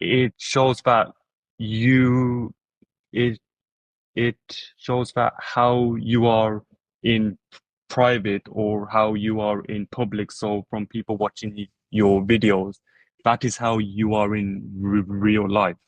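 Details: Adult who stutters, heard in conversation; stuttering with word repetitions.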